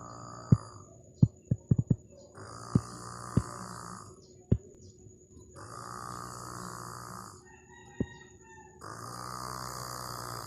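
Rough, rasping sounds recur every few seconds with breathing, mixed with sharp clicks and a steady background tone; snoring during sleep.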